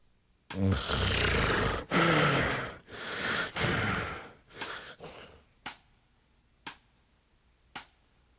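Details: Snoring sound in a report on snoring and sleep apnea, where a neurologist links sleep apnea to hypertension and cardiovascular disease; snoring.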